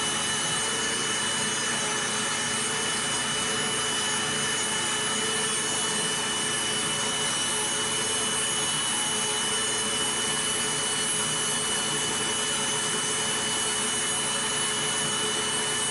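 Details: Steady high-pitched grinding and whirring of a rotary podiatric nail drill reducing routine, not thick, toenails during preventive foot care, with faint background music.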